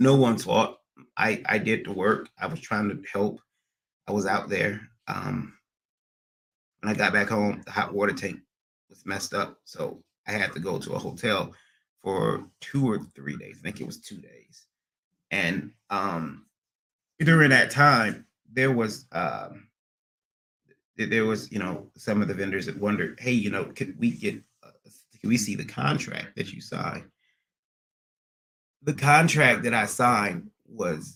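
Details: Adult man with stuttering after a recent transient ischemic attack; MRI and another scan showed a little damage; under a neurologist with physical, occupational and speech therapy; speech not fully recovered, still stutters occasionally almost a year later; acquired neurogenic stuttering.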